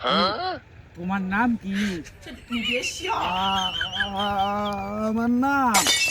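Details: Acted stuttering in a comedy skit portraying two people who stutter, with repeated words.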